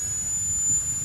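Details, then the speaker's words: High-speed dental handpiece with a bur fitted, already lubricated, hooked to the hose, held downward and run over a paper towel with water off to expel excess lubricant and debris: steady piercing high-pitched air-turbine whine spinning freely. "i've already lubricated the hand piece i try as best i can to keep it in a downward fashion just so the lubricant doesn't drift back down into the hose and then over a paper towel i'll go ahead and run that hand piece"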